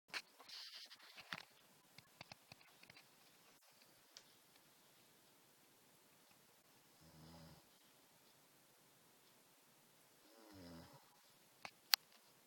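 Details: Two soft, low, rumbling snores about three seconds apart with faint rustling and clicks; quiet snoring during sleep, in a person described as using a nasal breathing strip.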